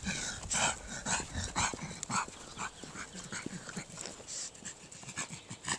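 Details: Extreme brachycephalic dog walking: rapid, noisy panting breaths about two a second; noisy exertional breathing from brachycephalic airway.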